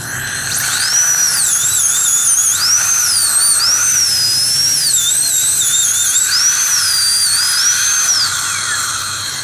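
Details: High-speed dental drill during tooth core preparation with a gingival protector; a loud high-pitched whine rising and dipping as the bur cuts, shaping a tooth for a crown.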